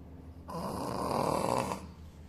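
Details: Snoring in a sleeping Shih Tzu dog: one rough, rumbling snore lasting just over a second.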